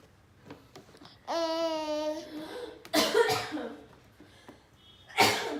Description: Our baby girl thinks sneezes are the funniest and can’t stop laughing when her aunt is sneezing